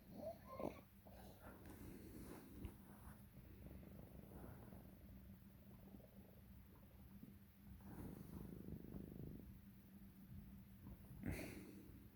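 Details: Cat purring steadily, broken by a few abrupt harsh cough bursts and brief wheezy, squeaky tones, with swallowing: wheezing and coughing during purring.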